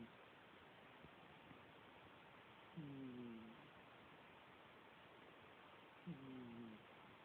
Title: Cat snoring Again